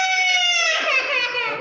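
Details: Baby girl crying at an injection: a high, wailing cry that continues and eases slightly toward the end.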